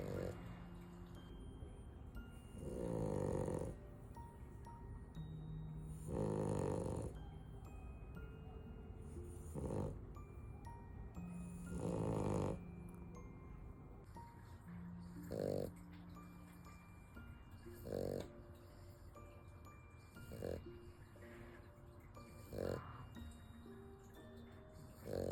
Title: Snoring puppy 😴 #americanbully #pocketbully #dog #puppy